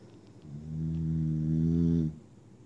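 A single loud, low, droning snore lasting about one and a half seconds, with a buzzing tone. Snoring.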